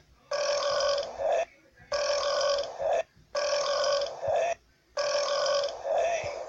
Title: Burps compilation 7.2